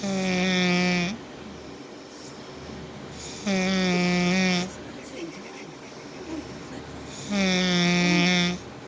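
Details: Mother snoring very loudly, likened to a bumblebee and a llama: three loud, buzzing, voiced snores about 3.5 seconds apart, with quiet breathing between and faint room noise; ordinary snoring.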